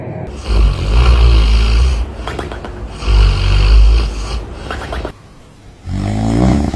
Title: Ranking Dogs With The Funniest Snores Moments 🐶